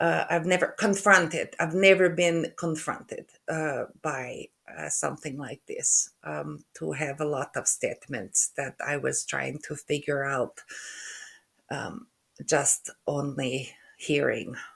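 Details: Aphasia in an adult woman after a stroke in November 2023, with word-retrieval difficulty and halting speech.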